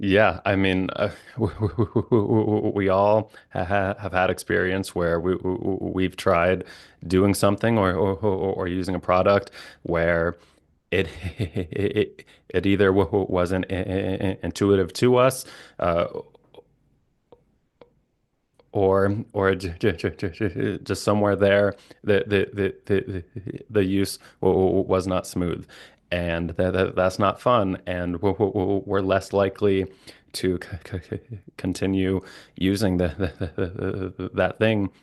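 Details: Adult who stutters, a licensed speech-language pathologist; stuttering with repetitions of sounds, syllables and words and blocks.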